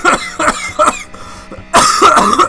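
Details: Man with his third cold of the winter, recent ear infections and chest complaints, coughing: a run of about five harsh throaty bursts with faint music and engine noise behind.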